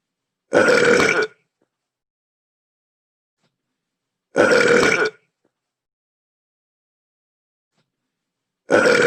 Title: Bye Bye London but the CPU Miis are burping!